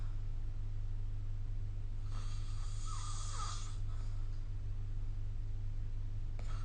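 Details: Snoring during sleep recorded with the SnoreLab phone app: a single rough, slightly whistling snore over a steady low background hum; snoring.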